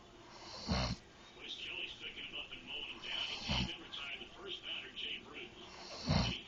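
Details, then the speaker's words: A husband snores while his wife teases him: three loud, low, rumbling snores about every 2.7 seconds, roughly 22 a minute, with soft, high whispery sounds between them. "baby you're snoring you're so cute"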